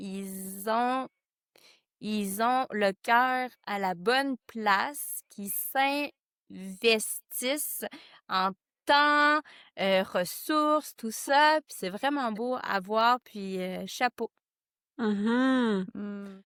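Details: Adult woman who stutters, who discovered a stuttering association in 2015; stuttering.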